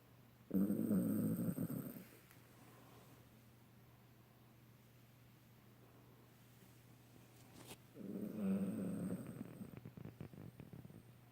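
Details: Two long, low, rattling snores several seconds apart over quiet room noise; repeated snoring.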